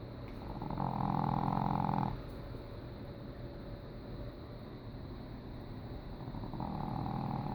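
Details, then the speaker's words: Loud, rattling, buzzing snore with pauses between breaths from a 12-pound female Boston terrier dog; pretty big snores for a small dog. "That, ladies and gentlemen, is my little girl snoring. Pretty big snores for a 12-pound dog."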